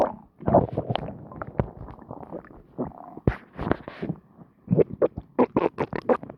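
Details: Person's stomach after lunch, recorded: loud gurgling and bubbling rumbles in bursts, some long, some short; stomach growling (borborygmi) after eating.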